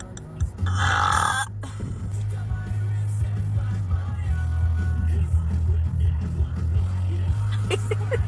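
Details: Woman burping in a pre-gym burp challenge before a leg-day session: a loud, long belch over steady background music.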